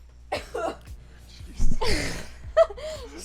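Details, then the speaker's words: Adult streamer with repeated hiccups while drunk, unable to stop them by holding breath: short, abrupt catches of breath and one sharp vocal hiccup near the end; involuntary hiccups. "Oh god, I can't stop hiccuping. This sucks."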